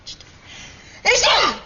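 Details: A quick intake of breath followed by one loud, forceful acted sneeze from an old UK TV scene; sneeze.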